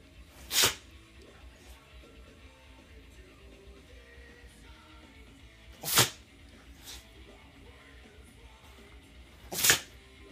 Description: My dog Maddie having a sneeze attack